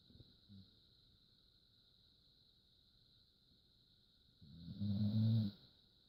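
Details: A single low, rumbling snore near the end over a steady faint hum; snoring in a sleeping animal.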